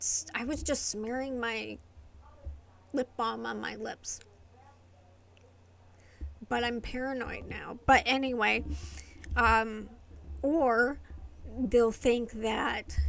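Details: Adult woman with familial essential tremor affecting the vocal cords, diagnosed by a movement-disorder neurologist, plus medication-induced tardive dyskinesia from long-term antipsychotic use; vocal tremor.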